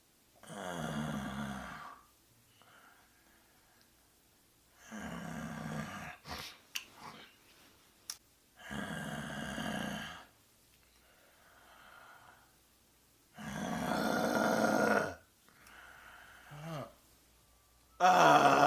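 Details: Loud rattling snores about every four seconds, with quieter breaths and a few sharp noises between them; snoring.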